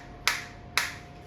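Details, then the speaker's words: Focused (not radial) shockwave therapy (ESWT) device applied to the demonstrator's own hand at minimum intensity, 120/min frequency, 1500 shots selected: two sharp snapping clicks about half a second apart as the pulses fire. "देख सकते हैं focus stock आ रही है मेरे को। Intensity अभी minimum है।"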